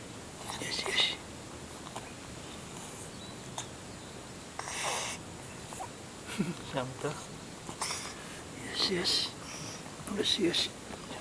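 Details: Siamese cat giving odd "guhihi"-sounding sneezes: several short, snorting sneezes, some in quick pairs, with faint room noise; sneezing.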